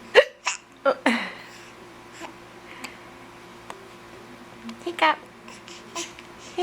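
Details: A mother and her young child both have hiccups: sharp, abrupt catches of breath recur among soft voices over a steady background hum.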